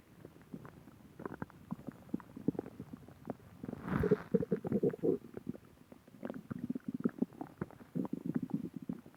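Low gurgling, bubbling rumbles that build and fade over several seconds; ordinary stomach growling from gas and fluid moving through the gut.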